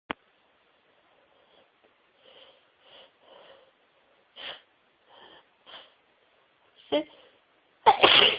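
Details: Part of a prolonged sneezing fit of over 60 sneezes with a wet, runny nose: repeated short sneezes and build-up breaths, some stifled, ending in a loud burst.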